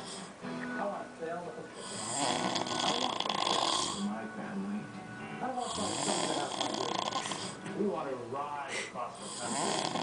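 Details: Snoring of a male, asleep on the couch: loud, rough, rattling snores recur every few seconds over background television talk and music.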